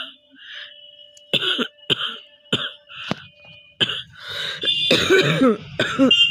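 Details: Cough from a cold that the person says is already easing, recorded as a three-minute real long-cough challenge: repeated short, dry coughs in an irregular run, about eight bursts, some possibly forced, with laughter around.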